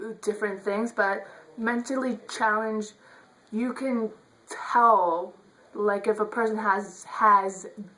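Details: Adult woman who says she stutters; stuttering.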